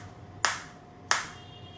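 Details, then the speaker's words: Biotronix focused (not radial) shockwave therapy device in R7 hand mode at intensity 3: two sharp, sudden snapping clicks about 0.7 seconds apart, each fading quickly, as single shots. "So now I will start the same, and you will look. Like if I put the same over here, you can see this is green now, and I am getting the shot. So I am getting the shot."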